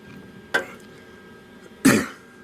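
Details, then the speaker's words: Adult with a chronic cough from respiratory issues, coughing while welding despite a mask against fumes: two short, harsh cough bursts about a second apart, the second louder, in a quiet room. "you'll hear it a lot i have a chronic cough because of the respiratory issues"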